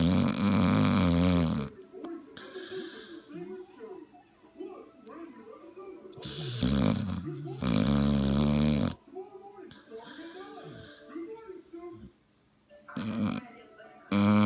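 Loud, rattling snores from a sleeping dog, coming irregularly every few seconds, with quieter sounds and faint background noise between them.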